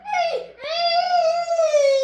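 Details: Nonverbal vocalization from an 8-year-old girl with cerebral palsy who is nonverbal and non-mobile, heard in the background.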